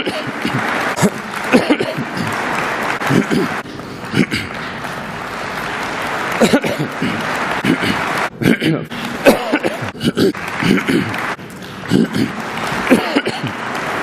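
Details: A man's speech at the 2018 Federal Assembly broken by a few short coughs and throat clearing over steady applause and hall noise.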